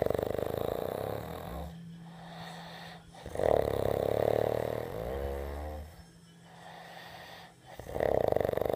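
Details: Son snoring loudly: buzzing snores on each breath with quieter pauses between, roughly three breaths in nine seconds.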